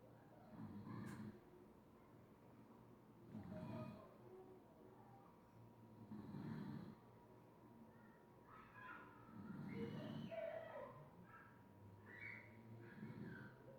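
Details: Snoring during sleep: low rumbling snores about every three seconds, roughly 20 per minute, over a steady faint hum.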